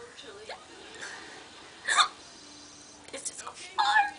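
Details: Person trying to get rid of hiccups: sharp, sudden hiccup sounds recurring about every two seconds between quiet stretches; ordinary hiccups.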